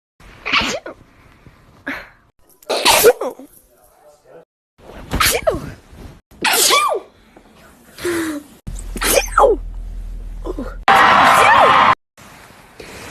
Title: sneeze compilation